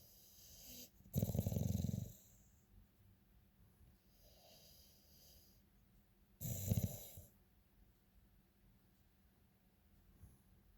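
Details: A sleeping dog gives low, rattling snores about every five seconds, with one softer breath between two louder snores, in a quiet room: ordinary snoring.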